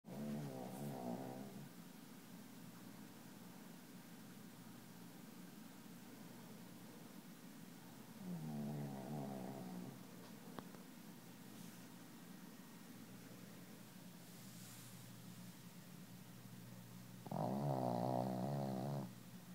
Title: Bandit Snoring